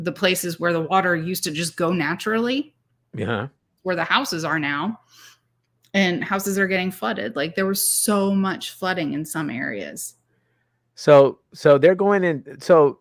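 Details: Adult speaker; plain speech.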